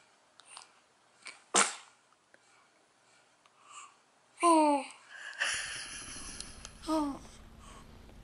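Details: Young child's single sharp, explosive sneeze, followed by short voiced cries and rustling.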